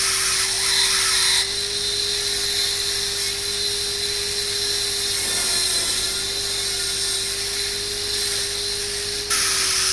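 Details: Steady high-pitched whine of a dental drill with a straight fissure bur, dipping in pitch as it bites, over room hiss; preparing a class 5 cavity on a maxillary first molar, about 0.75–1 mm deep, for GIC.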